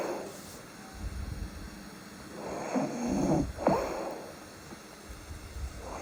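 Quiet breathing with one rough, rattling snore and a snort on the breath in, typical of snoring from throat tissue vibrating during sleep.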